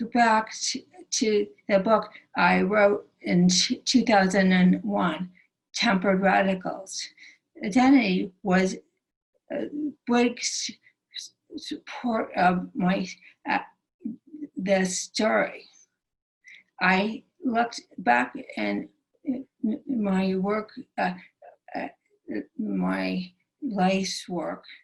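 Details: Aphasia (non-fluent speech) in a female stroke survivor, present since her 2011 stroke, which initially took away all her speech.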